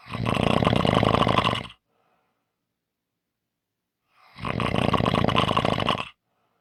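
Two loud, harsh, rattling snores about two seconds long, separated by silence; heavy snoring.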